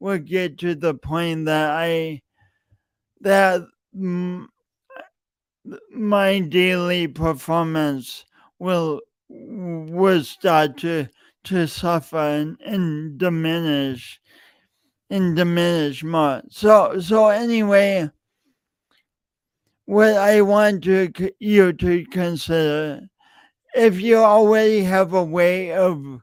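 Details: Adult man with a self-reported speech impediment, present for years and audible whenever he speaks; stuttering-type disfluency with repeated words.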